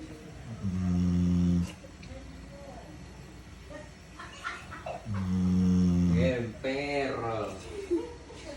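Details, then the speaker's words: Sleeping dog said to snore like a person: two long, deep, rumbling snores with quieter breaths and a few whiny noises between them. "Mi nombre es Mimi y el día hoy quiero que escuchen por primera vez en su vida un perro roncar como una persona o no sé si ya lo hayan escuchado pero esta es mi primera vez"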